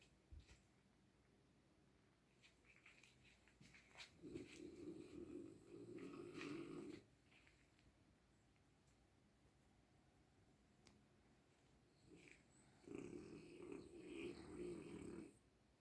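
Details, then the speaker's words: Dog sleeping: two long, rattling, fluttering snores on in-breaths about eight seconds apart, quiet breathing between, in a quiet room; snoring. "घर्राटे मार के सो रहे हैं।"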